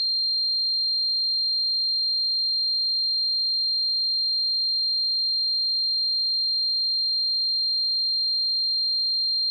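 Steady, unbroken high-pitched tone with no variation; a simulation of the ringing heard in tinnitus.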